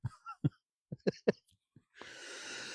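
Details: Adult outdoors at old railway tracks, reporting a really bad, irritating dry cough: dry cough.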